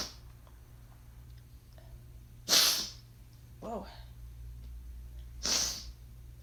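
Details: Brief explosive coughs and sneezes spliced together: three short bursts over a hissy room background.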